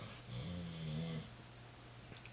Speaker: you know that's the dog snoring yeah that you going to hear the dog snoring it's just what it is